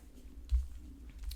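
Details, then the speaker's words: An adult awaiting a meal has stomach rumbling: a low, soft gurgling with a brief louder swell, typical of an empty stomach. Borborygmi. "if you can hear my stomach rumbling shush stomach not yet we feed you in a moment"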